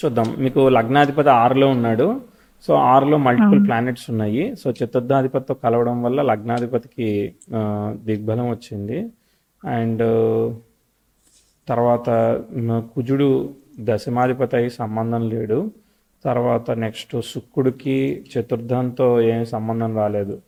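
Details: Adult man speaking Telugu; ordinary speech.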